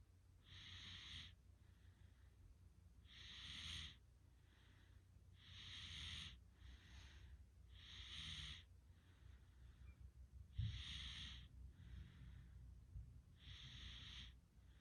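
Regular hissing, rattling snores with each breath in, about 25 a minute, over steady low background hum.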